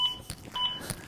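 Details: Electronic metronome beeps from a ZOLL AED Pro pacing two minutes of chest compressions (5–6 cm depth) on a training manikin set to simulated ventricular fibrillation: AED CPR metronome beeps.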